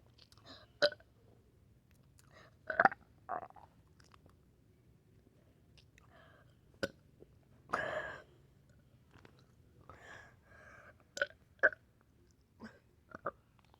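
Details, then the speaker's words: Repeated belching in a person who cannot stop burping: short, sharp throat sounds recur, followed by one longer rough belch. "so i just decided to film this video because my my mouth keeps burping i don't know why but hear it yeah it keeps doing that there's more there's"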